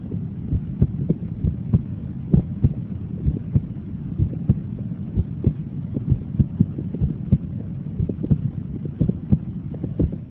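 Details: Normal heart sounds heard with the stethoscope diaphragm, which favors higher-pitched sounds: regular paired beats at about 65 beats a minute over a low hum.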